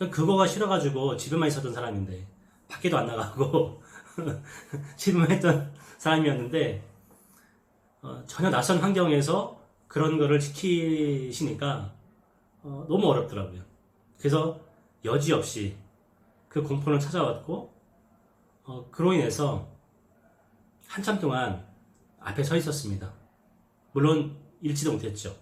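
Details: Adult man who stutters, with social avoidance due to it, demonstrating speech blocks with quickened breathing and secondary body movements in the effort to speak; stuttering (speech blocks).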